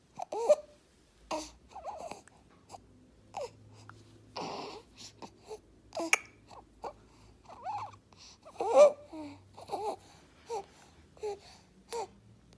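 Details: Infant aged 2–8 months with laryngomalacia breathes rapidly and hard with repeated squeaky, crowing inspiratory stridor.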